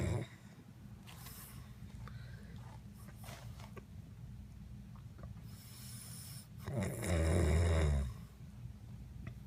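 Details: Snoring during sleep after drinking tequila: quiet noisy breathing, then one loud, low, rattling snore lasting about a second on an in-breath.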